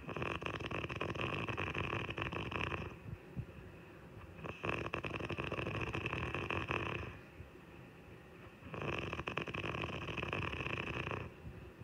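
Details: Adult woman (wife) snoring in sleep: loud, long, rasping snores, three in twelve seconds, each about three seconds, with quieter breaths between; heavy snoring.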